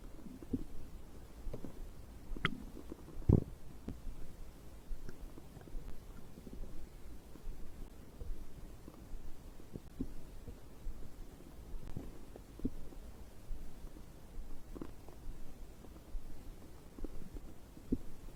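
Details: Abdominal digestion sounds recorded after drinking a beverage: irregular low gurgles and rumbles; ordinary bowel sounds.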